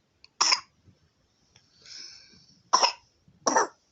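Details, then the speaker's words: Three short, harsh coughs with breathy sounds between and no rattle: a dry cough in a 9-month-old baby girl with a cold, runny nose and fever at night. "i think um she has she has a a cough and some runny nose so this that's what contributing to her having these fevers at night"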